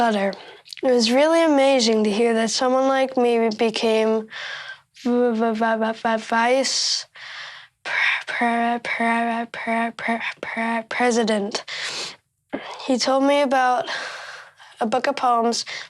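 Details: Stuttering in a 13-year-old boy giving a public speech.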